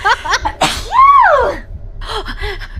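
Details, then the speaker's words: Single sneeze: a sharp breathy burst, then a high, voiced, rising-and-falling 'choo' with a squeaky pitch. "Oh my god, I've been sneezing."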